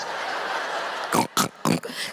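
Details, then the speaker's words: Three short, harsh snorting bursts imitating a husband's nasal snoring, performed by a comedian on stage; simulated snoring, not real. "but you have to eventually suck the walls through your nostrils to feel like a man again."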